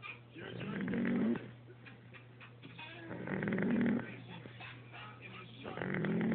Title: Snoring baby